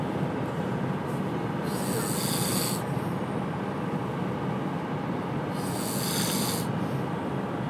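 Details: Person asleep in a moving van: two rasping snores about four seconds apart over steady engine rumble: snoring.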